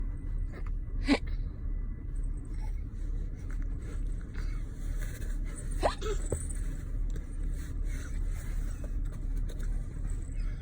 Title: 06.13.19 he is hiccup